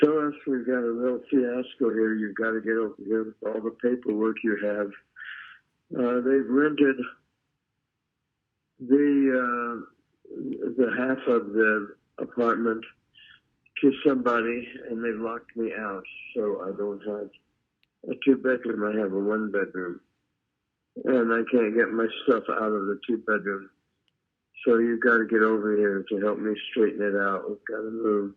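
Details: 86-year-old man in late-stage Lewy body dementia, recorded 48 hours after relocation, describing a full-blown hallucination that is not true; delusional speech in Lewy body dementia.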